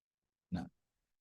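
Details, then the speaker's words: Panting dog: single short, harsh breath puff, likened to repeatedly saying "ch", a bronchial breath sound produced in the larynx, trachea and bronchi. "Maka suara ini mirip seperti dengan suara melapangkan huruf CH. Silakan Anda lapakkan huruf CH berulang-ulang yang sangat mudah ni pada anjing. Ang yang terengah-ngengahlah itulah suara bronkial."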